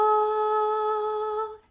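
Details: Imitated breathy voice, demonstrated in contrast to a clear tone, produced when the vocal folds do not seal tightly.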